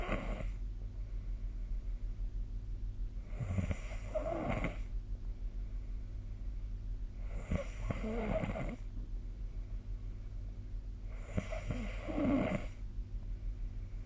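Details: Sleep snoring recorded with a snore-tracking phone app (SnoreLab): loud, rasping snores about every four seconds, roughly 15 a minute, over a steady low background hum; regular heavy snoring.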